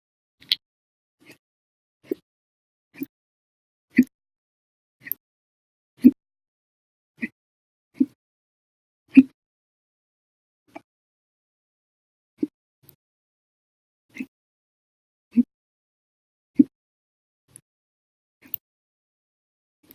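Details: Hiccups (singultus) lasting over 13 hours after eating and drinking soda: short, sharp hiccups recurring about every second, some loud, some faint, in a quiet room.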